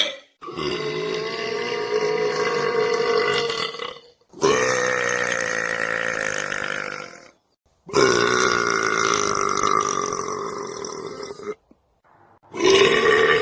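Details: Male belching: four long, loud, sustained belches, each lasting several seconds, with brief pauses between them.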